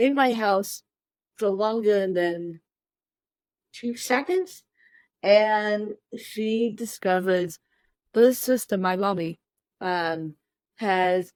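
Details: Adult woman with cerebral palsy since birth, born 13 weeks premature weighing one pound thirteen ounces; dysarthria (cerebral palsy).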